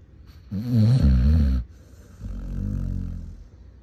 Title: One Minute of Aggressive Basset Hound Snoring